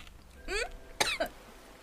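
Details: Adult coughing after eating spicy glass chips: two or three short, sharp cough bursts in a quiet room.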